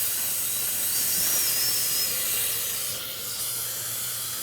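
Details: High-pitched whine and hiss of a high-speed dental handpiece during tooth preparation on upper right teeth, starting with a round bur.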